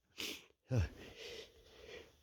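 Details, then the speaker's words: Male with a nose tickle, unsure whether from a lingering cold or allergies; a short breathy intake followed by a forceful burst, then trailing breath noise: a single sneeze. "oh man it's really bothering my nose I don't know what it is I don't know if I'm from still yet kind of another cold or something if it's just allergies"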